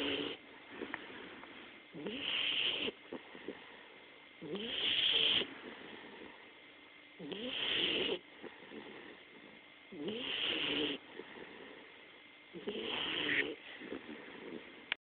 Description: My 11 week old bullmastiff puppy snoring sooo loud! I'm afraid to hear her when she's grown up!